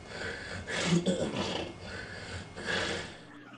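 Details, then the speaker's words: Overweight man with obstructive sleep apnea, on his back in a sleep study with pillow elevated and thick neck: noisy, labored snorting, wheezing breaths through a restricted airway before breathing stops. "this is not snoring this is wheezing any second now his brain says i'm not breathing"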